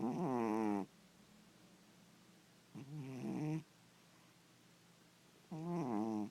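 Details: Three tonal, buzzing snores, about 22 per minute, with quiet pauses between, from a sleeping, resting cat. Ordinary snoring.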